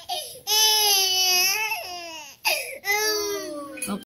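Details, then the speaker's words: Infant aged 6 months and 2 days, loud, high-pitched wailing in bursts with brief breaths between while a parent soothes and records to show the baby's cry; normal vigorous infant cry. "Send lang natin to kay Mami Lu kasi gusto niya makita paano ka iyak."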